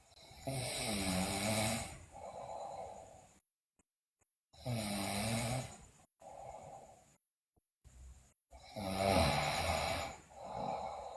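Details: Loud rattling snores on each breath in with softer breaths out, about 15 breaths a minute, from a sleeping girl, with bruxism and sleep-talking noted; snoring.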